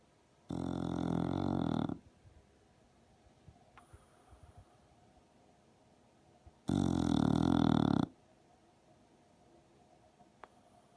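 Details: Sleeping female English Bulldog snoring: two loud, harsh snores about 1.5 seconds each, roughly six seconds apart, with visible lip vibration; louder snoring reported in deep sleep than in this mild sleep.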